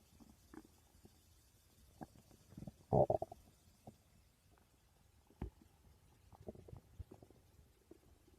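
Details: Person's stomach growling in a quiet room: soft scattered gurgles and pops with one louder gurgling burst; ordinary borborygmi.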